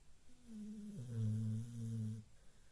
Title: Snoring(kharate) 😀😂 #trending #petlove #petlovers #doglover #viralreels #cute